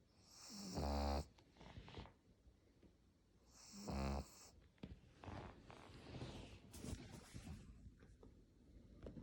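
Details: Pug snoring: loud, rattling snores on inhalation, about one every three seconds, with noisy airflow through a crowded upper airway of a short-nosed dog.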